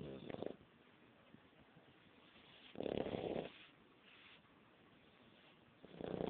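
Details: Sleeper, motionless, snoring: soft, rough snoring bursts recur every few seconds in a quiet room; noted to snore very loud; ordinary sleep snoring.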